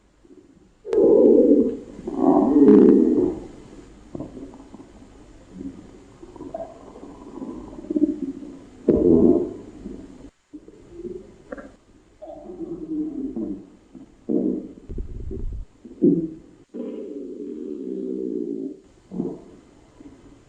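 Irregular gurgling and bubbling rumbles come in bursts of varying length and loudness: normal bowel sounds from intestinal contents moving.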